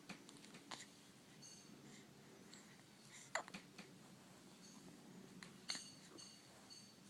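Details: Child in a quiet room gives several sharp, abrupt catches of breath at irregular intervals, a series of hiccups.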